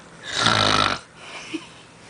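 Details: Snoring: one loud, rough, rattling breath of about a second, followed by a quieter breath out.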